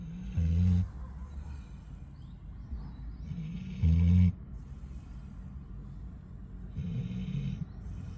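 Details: Dog snoring, always tired per owner, with three deep, rumbling snores, each followed by a breathy exhale, spaced a few seconds apart; snoring.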